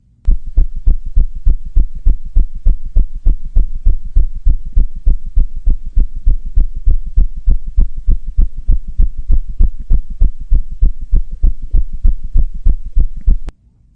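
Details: Tachycardia.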